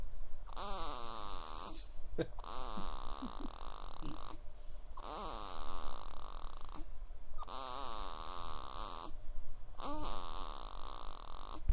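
Rhythmic rattling snores on each breath in, about four cycles in twelve seconds, with quiet pauses between. Snoring in a sleeping baby.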